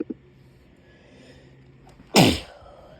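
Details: Puppy with a cold sneezing: a small sniff, then one sharp explosive sneeze.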